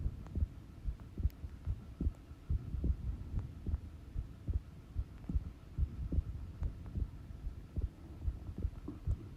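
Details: Steady low thuds at about 73 beats a minute over faint hum: recorded normal heart sounds at rest.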